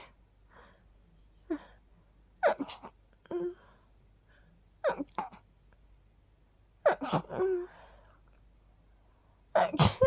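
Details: Four sneezing bouts, some quick doubles, each with a short inhale, while sleepy after sleeping with the window open, attributed to pollen; sneezing.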